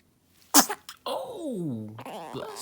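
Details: Newborn baby's first big sneeze: a single sharp sneeze burst followed by a brief breath and a short cry-like vocal sound; sneezing.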